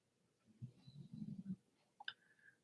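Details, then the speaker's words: Dog sleeping in the background of a quiet room: a low, rattling snore about a second long, followed by a faint click and a brief whine. "dog's in the background snoring if you can hear it make noises and stuff"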